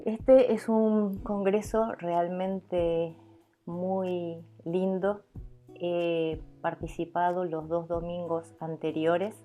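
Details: Stuttering in an adult Argentine woman speaking Spanish, who is a professional stuttering mentor and has stuttering as a speech characteristic.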